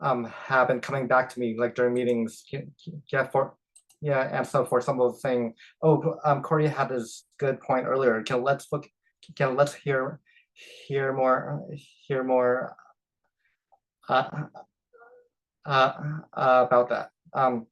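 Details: Stuttering in an adult who stutters and has become more open about his stutter at work.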